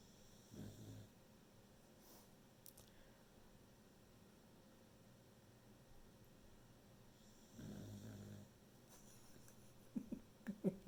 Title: Beagle Snores while working from home